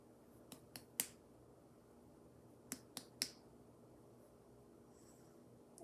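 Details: Nurse's head-to-toe assessment of a female patient: abdominal percussion after inspection, giving a tympanic note.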